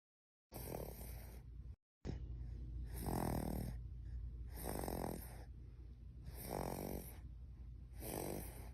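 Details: Sleeping dog snoring with regular rattling sounds on each breath, about five in eight seconds, roughly 35 breaths a minute.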